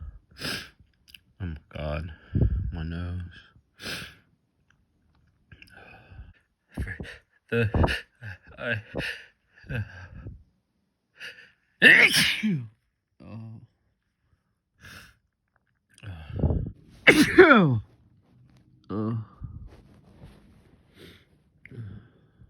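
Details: Several sharp, explosive sneezes after golf, some preceded by breathy build-up gasps, with quiet room sound between them; sneezing.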